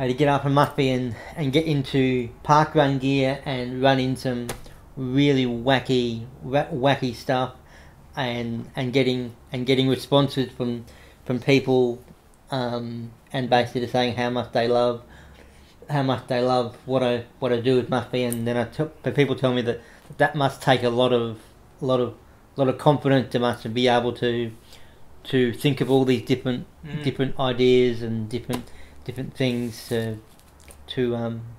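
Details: Adult man with cerebral palsy since infancy, no movement in his right side (right arm and leg affected), says he has a bit of a stutter he tries to control by calming down; stuttering.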